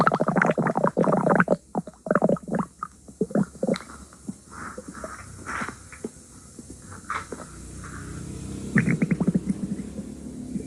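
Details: Stomach growling: gurgling, bubbling rumbles in bursts, then quieter squeaky gurgles and another burst.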